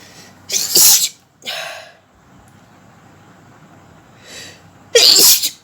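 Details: Two forceful sneezes in a sneezing and nose-blowing challenge, each with a quick inward breath before the sharp hissing burst, separated by a quiet pause.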